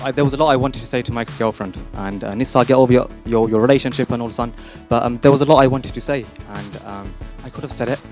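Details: Adult man who stammers, speaking with word repetitions and fillers; stuttering.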